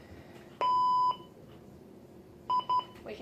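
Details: Monitor/defibrillator power-on beeps at a simulated clinical skills OSCE exam station.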